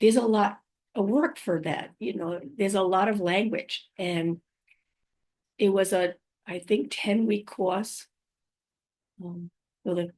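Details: Woman five years after a stroke, who says she has aphasia, apraxia of speech and dysarthria; aphasia with apraxia of speech and dysarthria.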